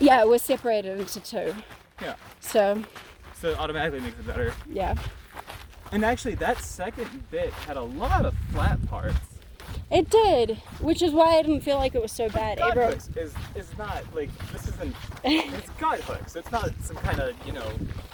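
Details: Adult speakers in outdoor conversation; normal voice.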